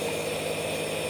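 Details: Steady, even motor hum with a hissy edge: a nebulizer compressor running during a child's breathing treatment for cough and bronchitis, medicine mist coming out.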